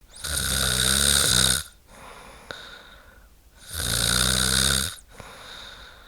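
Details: Snoring woman, sound-effect recording: two loud, rattling snores on the in-breath with quieter breathing out between, about 20 breaths a minute; typical snoring.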